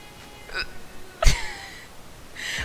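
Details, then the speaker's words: Young woman with persistent hiccups after lunch that are not stopping and interrupt her speech; a single sharp, abrupt catch of breath with a brief voiced click between quieter breathy sounds. "Dude, I had such a nice lunch, and now I have hiccups. This is bullshit."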